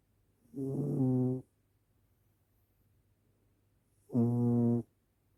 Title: Gently snoring cat